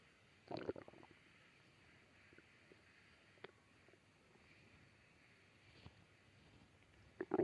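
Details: Stomach growling: soft gurgling and brief bubbling rumbles over a quiet hiss, which are ordinary borborygmi.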